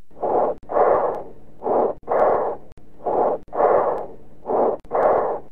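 Loud, harsh, hollow breaths, with a longer louder expiration after a short pause: bronchial breath sounds.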